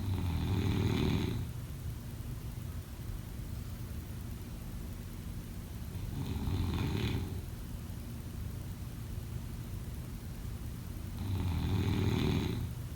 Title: Snoring sound 03/09/2025